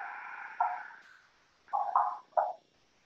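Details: Short irregular gurgles and clicks over the abdomen of a training simulator, recorded with an iPhone as a clinical skills distance-learning video; normal bowel sounds.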